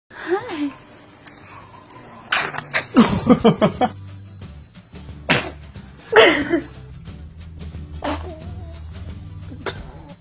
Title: #Cute Kids Sneezing #Laughter